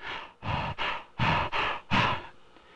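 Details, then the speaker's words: Normal deep breathing by an adult, recorded with cineradiography of the oropharyngeal airway around 1956: loud, airy open-mouth breaths in quick succession. "there was a brief inspiration after the word shape and after airway this is the oropharyngeal airway during deep breathing"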